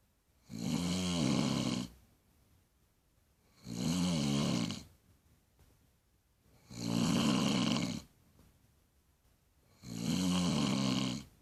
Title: MY MOMS LOUD SNORING